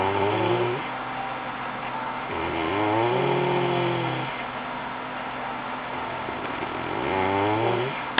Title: Snoring.